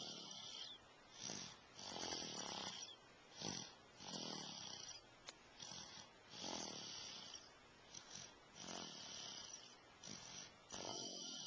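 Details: Repeated hissing, snuffly snores about every two seconds, roughly 27 a minute, in a steady rhythm during sleep, recorded with a Flip Video camcorder; snoring.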